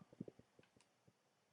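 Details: Agonal respirations (imitated gasp).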